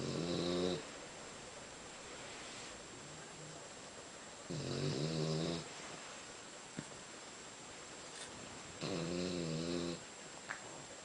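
Three buzzy, vibrating snores on the in-breath, about 13 breaths a minute, with steady room hiss in between.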